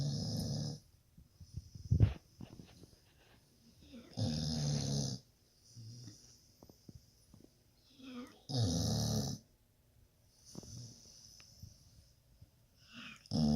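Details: Snoring during sleep: loud, rough, rattling snores recurring every few seconds, with quieter breathing in between.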